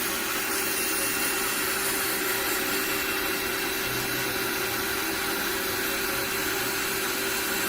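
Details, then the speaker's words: Podiatrist grinding down thick, uneven calluses on the bottom of an adult male's foot, who also has suspected nail fungus: steady high-pitched rotary grinder whine. "i'm just gonna grind it down though a little bit more work to do here just going to flatten out the uh"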